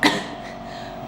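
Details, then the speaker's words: A sick adult gives a single short, harsh cough burst, followed by a steady low room hum: an isolated cough. "major cough and it sucks cuz guess who singing tomorrow yay"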